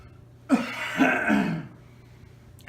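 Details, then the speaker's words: C3 complete quadriplegic, assisted cough: a caregiver leans him forward to push on the diaphragm and help expel phlegm, producing a single drawn-out, effortful cough of about a second. "another method I use to assist with my coughing is good for individual demand issues with their stomachs and pushing on the stomach might not be the best way to assist you with a call is having your assistant or aid or caregiver lean you forward"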